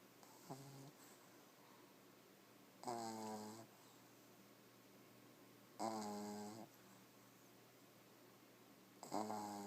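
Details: Sleeping male on a computer desk, one eye open and the other closed, with three loud, rattling snores on breathing in about every three seconds and quiet room hum between; ordinary snoring.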